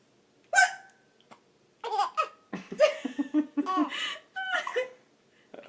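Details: Young girl gets hiccups after laughing at her mother's hiccups: a sharp hiccup followed by bursts of giggling laughter with quick catches in the breath.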